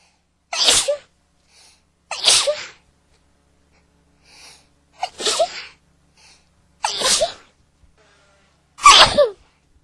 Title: Sneezing like crazy